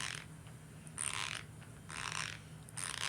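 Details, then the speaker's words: Teeth grinding (bruxism) in a boy with cerebral palsy who has ground his teeth for about nine years, cause unknown: repeated gritty, creaking scrapes in rhythmic bursts. "so he's been grinding his teeth for maybe nine years and i asked the doctor the dentist and everyone why nobody knows why"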